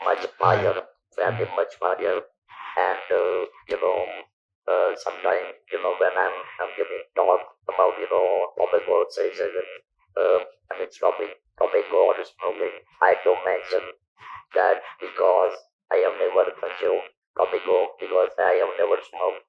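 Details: Male survivor of stage 4 vocal cord (throat) cancer, operated in 1997 (about 10,000 days earlier), natural voice lost, speaking with an electrolarynx held under the jaw; electrolarynx speech.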